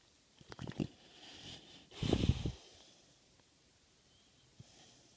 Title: Nixie - American Bulldog snoring